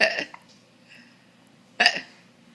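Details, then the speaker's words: Hiccups in an infant boy: two short, sharp hiccup sounds about two seconds apart, occurring amid his fake laughs. "you got the hiccups buddy I can't believe you're fake laughs that's not very nice see I got the hiccups it's kind of funny"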